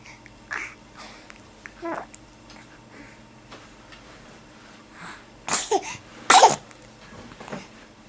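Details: Young boy sneezing twice, two sharp explosive bursts close together after soft vocal sounds in a quiet room, recorded in 2007.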